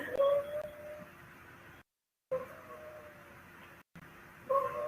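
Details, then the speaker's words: Pediatric patient (girl): high, musical, whimper-like tones with every exhalation while wheezing and gasping for breath, an expiratory wheeze. "that's expiratory every time she's exhaling it almost sounds like she's whimpering it's so horrible"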